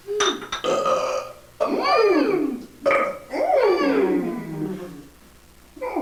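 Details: Two grandmothers in a burping contest: several loud, long, voiced belches with rising and falling pitch, separated by brief pauses.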